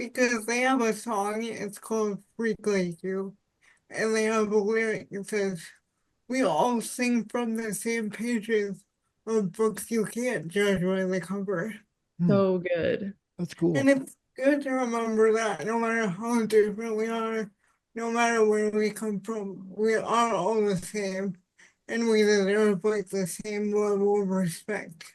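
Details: Adult woman with spastic quadriplegic cerebral palsy since birth; speech is harder to understand and is not recognized well by voice assistants; dysarthria (cerebral palsy).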